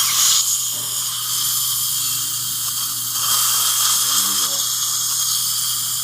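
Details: Steady, high-pitched whine of a dental handpiece in a small room: an upper mini implant, half the size of a standard implant, being screwed into the jaw of a female longtime denture wearer for an overdenture.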